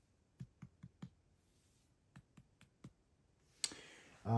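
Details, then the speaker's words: Head-to-toe physical exam: light abdominal percussion over all four quadrants, eight short taps in two groups of four, listening for dullness or tympany. "Now I'm going to percuss all 4 quadrants, listening for dullness, tympanic, or hollow sounds, depending on the area that is being percussed. So I'm going to do some light tapping, okay?"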